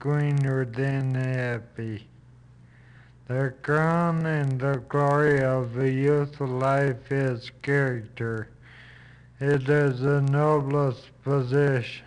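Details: Female patient reading a paragraph aloud during a neurologic exam; lower motor neuron lesion causing flaccid (LMN) dysarthria, with a soft, muffled, hypernasal, breathy voice; flaccid dysarthria.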